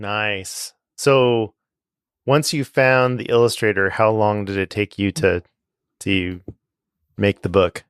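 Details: Adult male speaker; typical speech.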